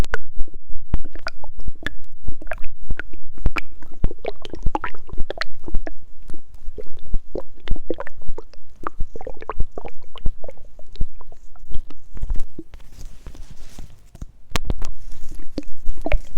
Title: STOMACH GROWLING HUNGRY WATER GOOD SOUNDS ✨